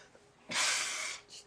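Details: A sneezing attack in bed, about the fourth sneeze in a long run: a single abrupt, hissing expulsive burst of air under a second. Sneezing.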